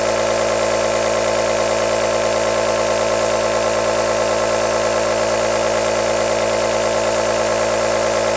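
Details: Steady mechanical hum with a fast, even rattling pulse throughout: the continuous running sound of a compressor aerosol nebulizer, presented as white noise to calm or soothe a baby.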